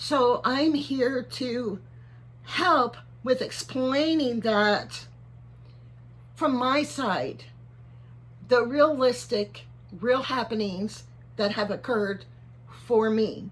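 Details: 55-year-old man, neurologist unsure if Parkinson's disease, cervical dystonia or both; tremor in voice, head and hands since about January 2024, worsening; on carbidopa-levodopa and neck Botox injections; finding: voice tremor.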